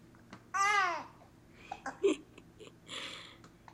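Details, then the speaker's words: An infant babbles and "tells stories" while having hiccups, with a brief sharp catch between sounds; a caregiver talks to the baby about the hiccups going away. "telling me stories are you telling your hiccups to go away oh is that right"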